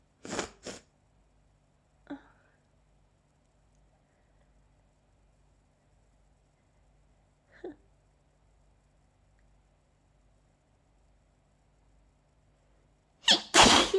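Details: A person with allergies and an itchy mouth has a sneezing fit: a close pair of sharp explosive sneezes, two smaller ones, then a loud final burst; allergic sneezing.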